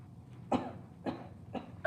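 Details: A child acting out coughing in a skit about catching the coronavirus makes three short, dry, forced coughs about half a second apart.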